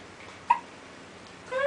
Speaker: okay mama the hiccup's not going away there's a growing girl